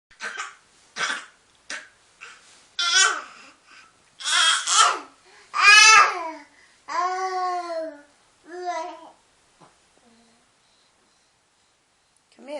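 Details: Infant learning to crawl gives a voluntary, fake cough: a few short, deliberate cough-like bursts, then babbling and cooing, not an illness cough.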